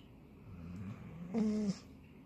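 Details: Snoring of a sound-asleep Labradoodle dog.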